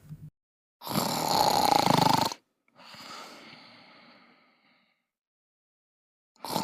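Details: Cartoon sound effect of a character napping in bed: a loud, rough snore on the in-breath, then a softer whistling out-breath; simulated snoring.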